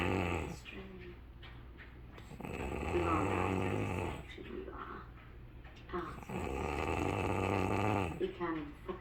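Repeated rough, rattling breaths in a slow rhythm, with people talking in the background; snoring.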